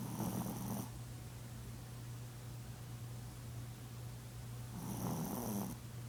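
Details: Sleeping female Chihuahua, a habitual loud snorer: two rough, rattling snores about four seconds apart over a steady low hum.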